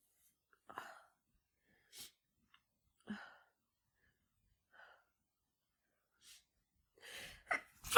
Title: Flu + Chhinkni = Lots of sneezing (f)